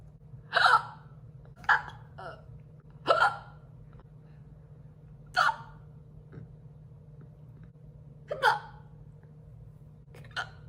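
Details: Sharp, abrupt throat catches at irregular intervals, about seven in ten seconds, against faint room hum; hiccups.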